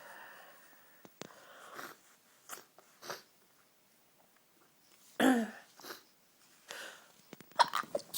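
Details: Strong, tickly sneezes from a cold, all in one fit: a run of sharp, forceful bursts with breathy intakes between them, about four sneezes in a small room; a sneezing fit.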